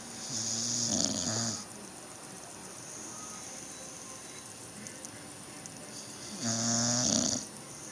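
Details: Sleepy dog snoring: two long, rough, rattling snores about six seconds apart, with quiet steady breathing between them.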